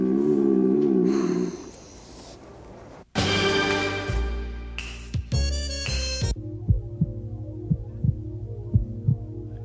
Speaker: hear that it's the sound of a heartbeat people say it goes L dub